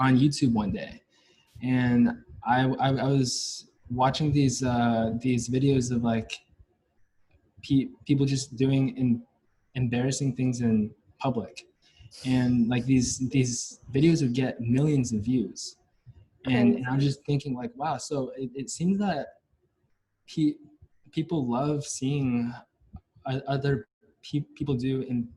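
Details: Stuttering in a male senior university student, present since about age five or six, with blocks and getting stuck on sounds; his biological father and maternal grandfather also stutter.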